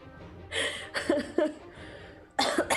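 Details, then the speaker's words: Several short, slightly wet coughs and throat-clearing bursts from an adult woman who is unwell and has taken medicine, livestreaming with faint music behind; coughing recurs every few minutes. "But every few every few minutes I have been muting myself just to cough [laughter] so you guys don't hear that."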